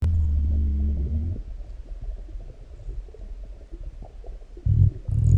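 Deep, drawn-out growls and low gurgles from the belly: stomach rumbling after a large meal.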